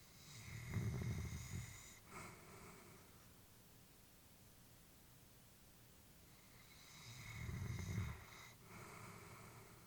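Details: Elderly female labrador asleep: two slow, low rumbling snores with a soft whistly breath noise on each inhale, separated by quiet breathing; ordinary sleep snoring.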